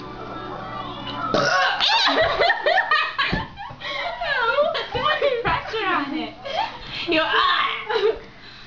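A child lets out a long, gurgling voiced burp, a normal deliberate belch done for fun.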